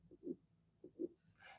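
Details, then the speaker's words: Aortic stenosis murmur at about 80 beats per minute: crescendo-decrescendo (diamond-shaped) systolic murmur starting shortly after S1, squealing at the end, a dragging rather than knocking quality. "you hear that it's aortics kind of distinct right you hear how it like squeals a little bit at the very end versus like just a very hard like loved up right it's not like a knocking it's like a dragging you know"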